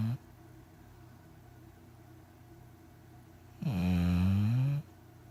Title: pitbull snoring